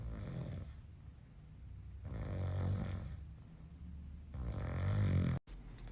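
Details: Man recorded snoring in sleep: deep, rumbling snores swelling with each breath, about ten breaths a minute, in a quiet room; ordinary snoring.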